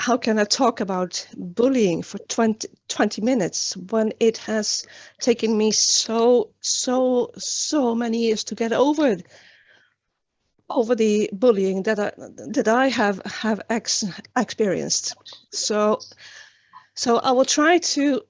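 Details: Real adult woman, an international stuttering advocate from Sweden, with developmental stuttering that began at age nine, speaking in a public talk. The finding is stuttering.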